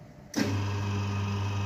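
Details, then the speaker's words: Gnatus dental unit: quiet room, then a steady low electric motor hum as the dental chair returns to its zero/starting position, backrest rising and seat lowering. "ketika Tunggul Adam ditekan maka kursi sandaran ini akan naik dan kursi ini akan turun itulah posisi semula alat sebelum dioperasikan"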